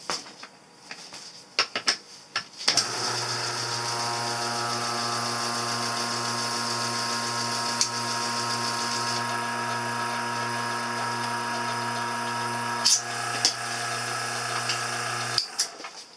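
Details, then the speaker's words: Vacuum spatulator mixing a fairly thick dental stone mix for flasking an acrylic upper partial denture: steady mechanical motor whine with rattling for about twelve seconds, framed by clatter. "With the vacuum spatulator, I mix it just enough in the bowl to make sure that it's wet. And I'm just going to take it to my vacuum now."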